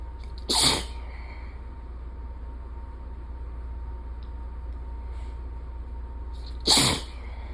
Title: Shapeshifter sneezes pt. 2